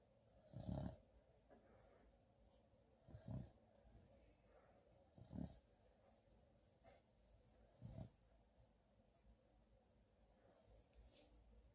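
Soft, low, rough breathing noises repeating about every two to three seconds over a quiet background; light snoring.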